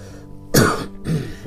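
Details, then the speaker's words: Single short cough or throat-clearing burst from an adult woman with soft music; she says she has GERD and acid reflux from eating late, making her voice hoarse and causing coughing: cough/throat clearing. "Terus kayak batuk-batu karena aku punya gird gitu loh, Guys."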